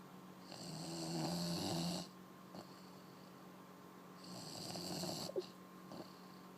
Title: The snoring beauty